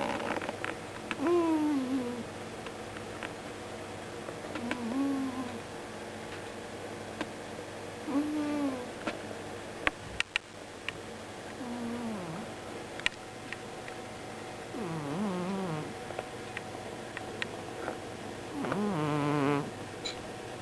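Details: A pet that sleeps on the owners' bed at night and snores extremely loudly, with repeated whistling, whiny breath sounds, about 17 a minute; snoring.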